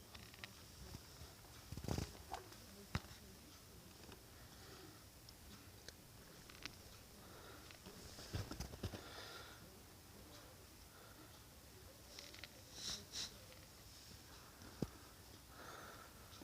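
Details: Swollen, sore left knee, pointed towards the ceiling, making strange sounds as it moves: scattered sharp clicks and soft crunching grinds over quiet room noise; knee crepitus.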